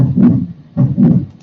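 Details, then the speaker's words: Ventricular septal defect murmur: low rushing whooshes repeating with each beat in place of crisp lub-dub sounds, played in a classroom session on the cardiac cycle. "and then you know just pretty much lets your this ventricular septal defect your that swoosh right but you heard that swoosh like in the aortic stenosis"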